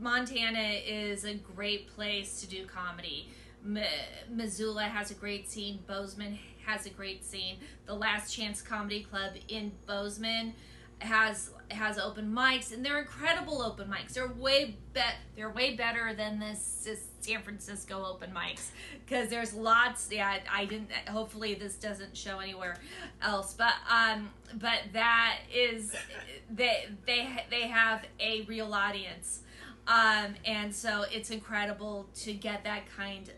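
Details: Adult woman who stutters and also has learning disabilities; word repetitions are audible. Finding: stuttering.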